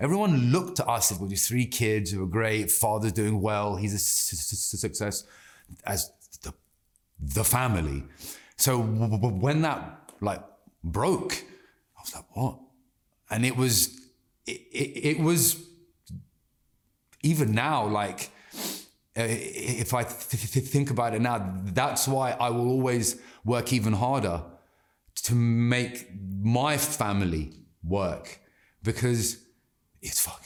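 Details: Adult man with stuttering since childhood that has not stopped in adulthood; he reports anxiety and stress make speaking harder and that he can control it by slowing down and taking a breath.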